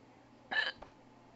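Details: Hiccups, part 3 of a series: a single short, abrupt voiced gulp with a faint click after it, typical of a hiccup.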